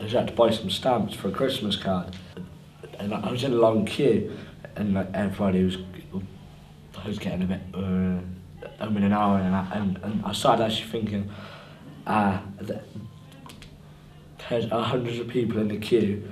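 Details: Young person who stammers; stuttering.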